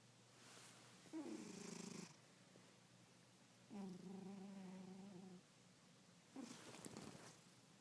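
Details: A sleeping cat gives three rough, tonal snores with quiet gaps between them, about 23 breaths a minute: snoring.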